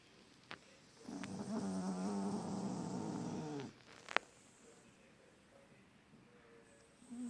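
A long, loud, rattling snore from a sleeping flat-faced dog, followed by a quiet pause and a sharp click.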